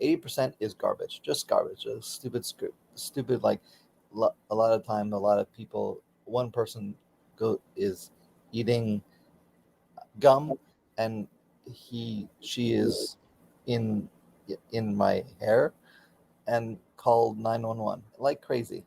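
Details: Aphasia in an adult man about 15–16 years after a stroke during surgery, with his right arm and leg affected; he still does speech therapy daily.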